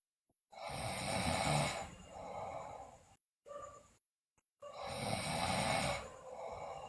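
Loud, harsh snoring on each in-breath with softer breathing out, with short silent gaps between breaths.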